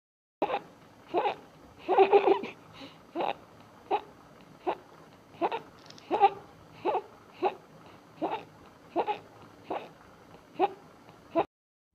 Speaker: এই যে শিশুটিকে দেখতে পাচ্ছেন তার বয়স হচ্ছে চার মাস যে একটা শব্দ হচ্ছে নিঃশ্বাস নেওয়ার সময় এটাকে আমরা বলি মেডিকেলের ভাষায় লারিঙ্গো মেলাশিয়া